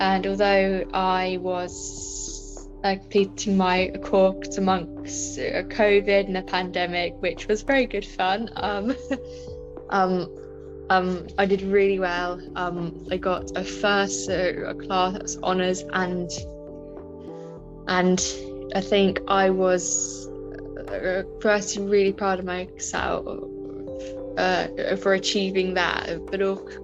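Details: Adult woman with a stammer present since about age five; stammering.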